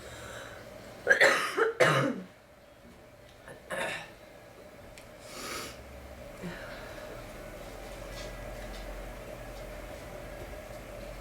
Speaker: I'm all stuffy. I got a horrible cold. I'm gonna try to make myself sneeze. Maybe it'll help.